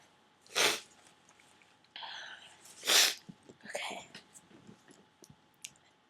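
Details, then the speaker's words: Induced sneezing on a day when allergies were not bad: two loud, sharp, hissing sneeze bursts with breathy intakes between, in a quiet room. "Hey guys, since my allergies aren't bad today, I decided to induce. So, let's try it."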